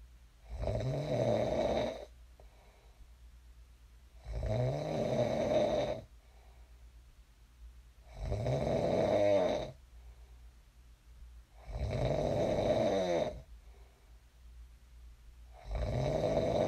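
Loud, rattling snores on each breath in, about 16 breaths a minute, with quiet breaths out. Ordinary sleep snoring.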